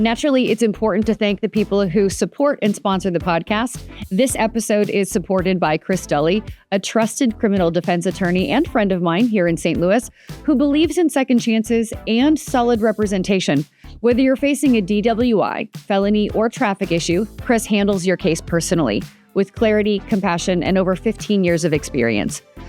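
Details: Adult woman speaking; Typical adult speech.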